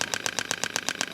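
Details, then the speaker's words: Extracorporeal shockwave therapy at about 8 Hz (range 1–22 Hz), applicator held on a neck trigger point of an assistant in a demonstration: rapid, even tapping pulses about eight per second. "So we'll go from 1 hertz to 22 hertz a second. So I like to put it at around 8 hertz."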